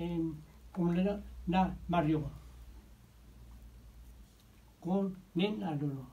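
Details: 61-year-old patient with nonfluent primary progressive aphasia, in therapy about two years (since July 2016); motor-predominant aphasia, apraxia, phonemic paraphasias, inhibition difficulties; connected speech during therapy. Nonfluent primary progressive aphasia.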